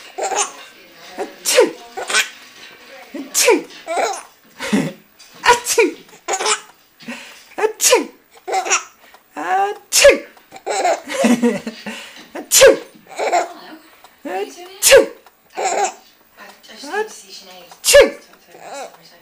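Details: Grandfather's repeated sharp sneezes, each followed by bursts of laughter from an infant; sneezing.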